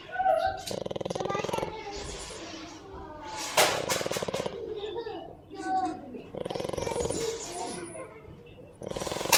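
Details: A male pet dog snoring while asleep: loud, fluttering, rattly snores every few seconds, with quieter breath sounds in between.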